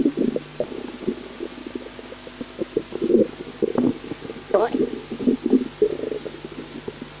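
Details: Frequent gurgling and rumbling bursts over a steady fan hum; digestive stomach growling.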